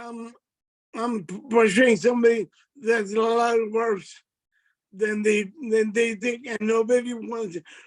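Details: Adult man with multiple system atrophy, affecting his speech and gait; dysarthria.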